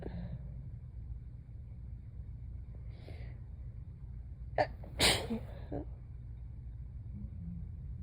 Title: Woken up from a nap to super sleepy sneezes